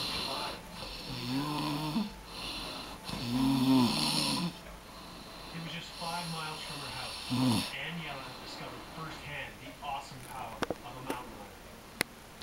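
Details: Loud, rough snores with a buzzing, honking quality, fading into softer snorts, with a few clicks in the room, from a snoring adult man (dad).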